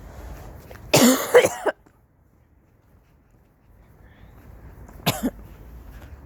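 A harsh burst of three or four coughs, then a quiet gap and two more short coughs; forceful, strained repeated coughing.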